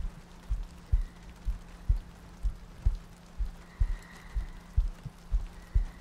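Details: Heartbeat in an ASMR sleep-aid loop with rain ambience and soft breathing: soft, regular paired thumps at about 63 per minute under a low hum and light rain.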